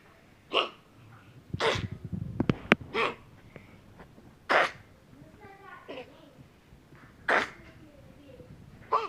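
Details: Dog named Tux coughing: about six short, sharp, explosive bursts spaced irregularly, with faint whining or voice between them.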